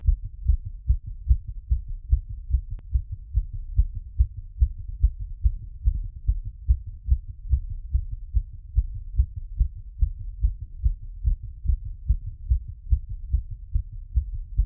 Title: Post workout heartbeat plus squats after #cardiophile #exercise #auscultation #heartbeats